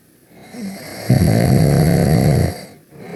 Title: Max And Ruby Taking A Nap (But With Ruby Snoring)